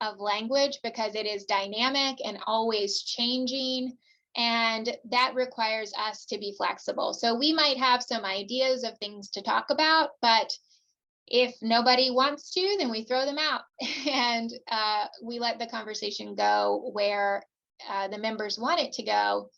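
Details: Adult woman; typical speech.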